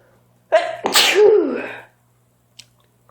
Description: My nose has been tickling so bad and my sneezes have been terribly loud... I'm trying to keep them calm but it's so hard when you're having a sneeze attack!